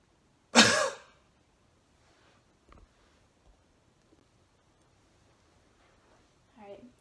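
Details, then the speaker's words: Simulated manually assisted cough in physiotherapy training: hands placed under the ribs, deep breath in, breath-hold, then one strong, sharp cough burst followed by quiet. "so I'm gonna have my hands here right under your ribs I just want you to take a deep breath in hold it and then pop"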